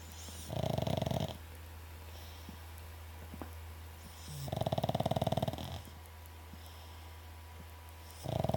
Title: Nemo snoring